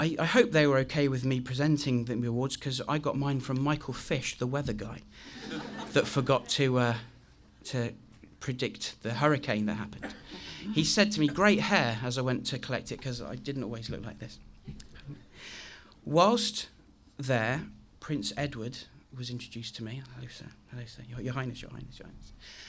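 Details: Adult man with a very chronic stammer since age three, deliberately demonstrating how his speech sounded on a bad day; stuttering (stammer).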